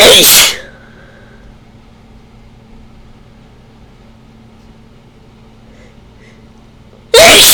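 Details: Adult who suspects a ragweed allergy sneezes during a fit after sniffing a ragweed stalk covered with chhinkni, reporting itching, a runny nose and dizziness; one loud explosive sneeze, then a second burst.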